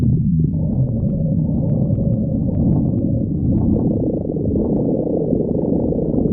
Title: Pan stomach growling 45